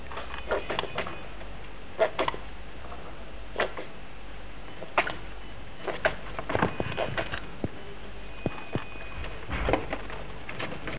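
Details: Repeated sneezing from Dumbo, with the owner wondering whether a vet visit is needed: soft, sharp little bursts, around eight to ten over eleven seconds, over a low background hum.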